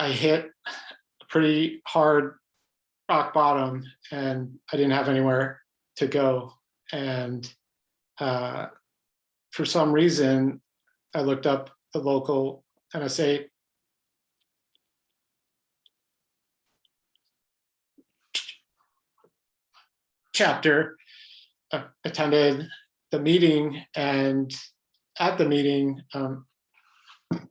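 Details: Adult man who has stuttered all his life, speaking in an interview; his stuttering pattern is described as mostly blocks; stuttering.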